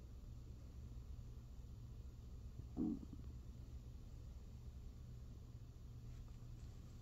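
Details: Hunger-related stomach growling: low continuous rumbling with one short bubbly gurgle, normal borborygmi.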